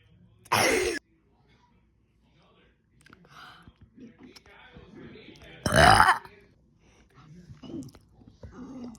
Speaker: this is part 2 of straight burps.